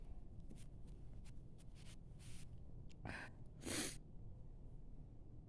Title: No sneezing just a nose blowing